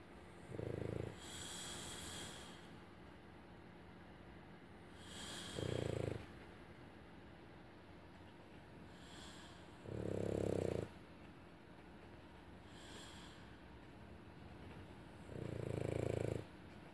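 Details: Sleeping French bulldog puppy snoring loudest beside a sleeping adult man who wheezes: four low rattling snores roughly every five seconds, about 13 breaths a minute, over quiet room noise.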